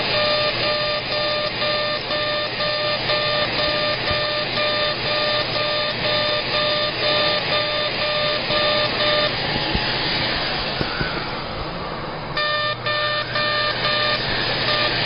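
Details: CO2 laser, aggressive facial resurfacing at 100 millijoules and density six during a face lift: steady whooshing suction with repeated electronic beeps, about two a second.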